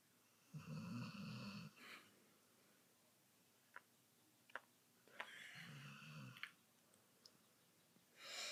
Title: My Dog Snoring. Lol